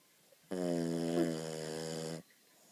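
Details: Sleeping French Bulldog snoring very loudly: one long, buzzy, rattling snore lasting under two seconds in a quiet room.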